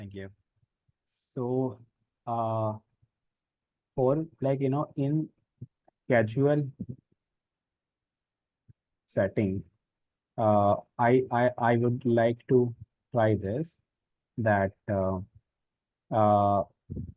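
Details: Real recording of an adult man who stammers, with a Hindi accent, speaking in a stammering self-help practice group; stuttering.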